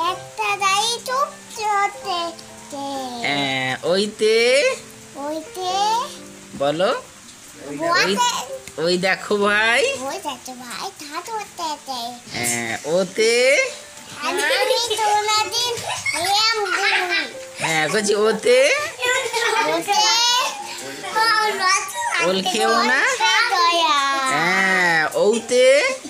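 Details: Little girl reading aloud, described as stuttering.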